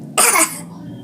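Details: Child fakes a deliberate cough to get medicine after being told they are not sick; a single short forced cough-like burst, voluntary (fake) cough.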